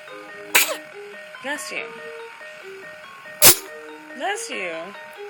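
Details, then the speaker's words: Two sharp little sneezes from a baby, each followed by a short whimper, over a music-box tune; a parent wonders whether the baby has allergies. Infant sneezing. "Bless you, baby. Bless you. You got allergies?"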